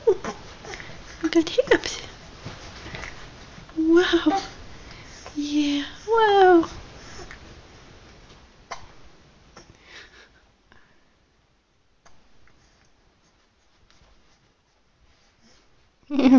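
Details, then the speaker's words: Baby getting sleepy, kicking its legs, with short, sharp hiccups at irregular intervals amid soft babbling and an adult's voice. Infant hiccups. "Let's get sleepy again. Hiccups. Hiccups. Yeah, hiccups."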